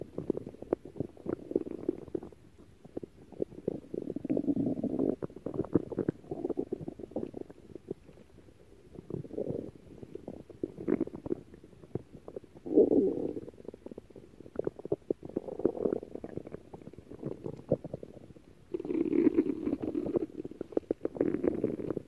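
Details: Stomach growling (borborygmi): repeated gurgling, bubbling rumbles coming in waves from gas and fluid moving through the gut.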